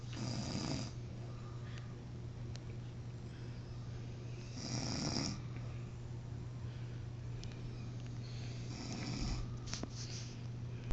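Rough, rattling snores on the in-breath, about 13 a minute, with a steady low hum in the room.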